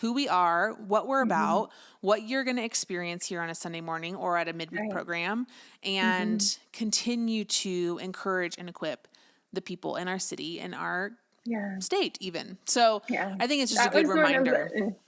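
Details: Adult woman speaking; typical voice.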